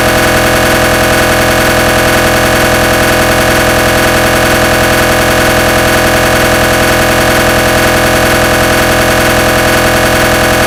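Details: Loud, steady mechanical knocking at about 158 pulses a minute with a droning buzz: a recreated gradient-sequence noise of a GE 1.5 T MRI scanner.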